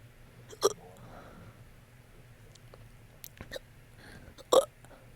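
Two sharp, abrupt throat clicks about four seconds apart, with a softer catch between them, fitting hiccups in a quiet room.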